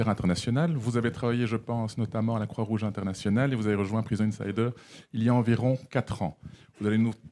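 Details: Adult man speaking French; Normal speech.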